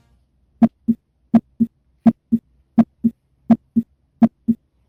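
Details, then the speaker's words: Normal heart sounds auscultated at the mitral area (fifth intercostal space, at the midclavicular line): clear, regular lub-dub at about 83 beats a minute, with no murmur. "Ahora continuaremos con el foco mitral, el cual se localiza sobre el quinto espacio intercostal, por debajo de la línea medioclavicular, justamente aquí. Y procederemos a escuchar."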